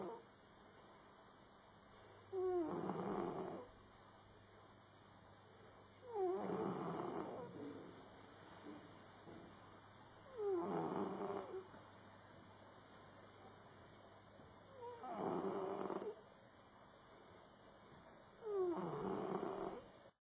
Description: max the cat with a good sleep and a noisefull snoring